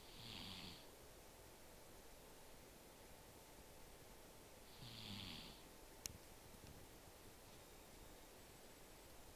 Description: My cat is small, but the snoring sounds she makes could wake the dead.